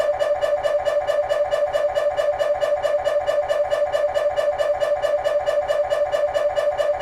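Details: Fast, very regular buzzing knocks at about 136 per minute with a steady hum: GE 3T MRI scanner running an axial diffusion-weighted (DWI) sequence during a petrous bone (Felsenbein) exam.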